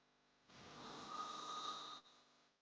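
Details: Snoring sound effect: a single rough, hissing hard snore lasting about a second and a half over faint background noise.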